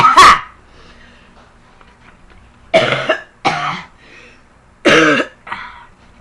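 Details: Girl coughing, trying to bring up lots of chunks: one harsh cough, a pause, then three loose coughs in quick succession in a quiet room.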